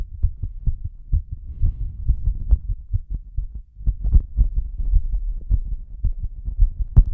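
Strong, regular low thumps of a forceful heartbeat, with a steady rumbling undertone.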